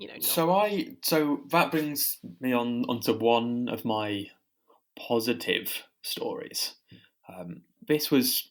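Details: Stammering in a podcast host who has a stammer.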